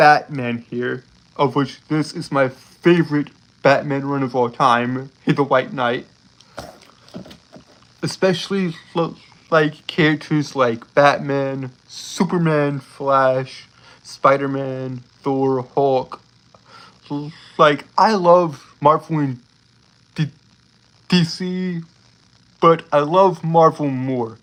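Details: Adult male streamer with a self-reported speech impediment, stuttering.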